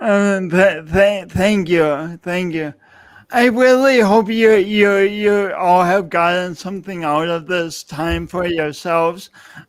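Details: Adult man speaking; speech impediment (disfluent speech with sound repetitions and prolongations).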